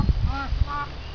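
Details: Chicken with a respiratory problem (wheezing, coughing, cold/flu in winter, treated with Ventolin and Avil syrup): two short, squeaky, honking noises with low thumps.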